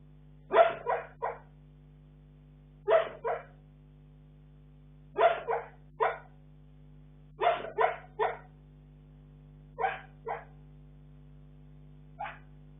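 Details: Soft muffled yips and woofs in short clusters of two to three, every few seconds, from a sleeping Bull Terrier; harmless sleep vocalization.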